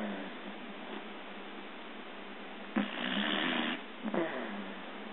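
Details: Snoring: a soft, noisy snore-like breath against a steady background hiss, followed by a shorter snort.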